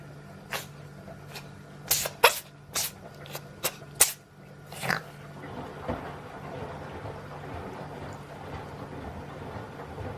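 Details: Cat Chili Pepper, on antibiotics, having a sneezing fit: about eight short, sharp, hissing sneezes in a rapid run over five seconds, then room noise.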